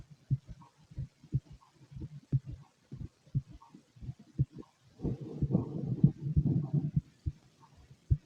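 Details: Empty stomach noises and heartbeat: repeated low heartbeat thumps, somewhat irregular in spacing, with a stretch of low gurgling stomach rumble partway through.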